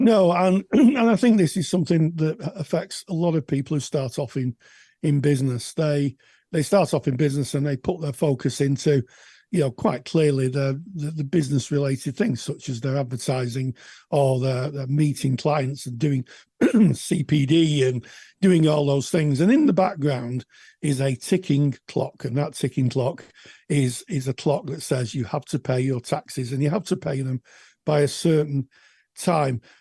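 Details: Adult male speaker; normal speech.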